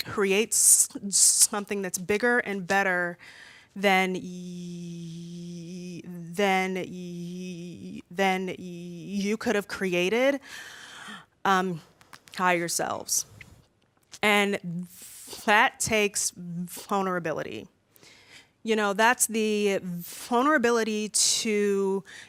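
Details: Woman aged 32 who has stuttered since about age three, worse when nervous in front of a room; stuttering with repetitions.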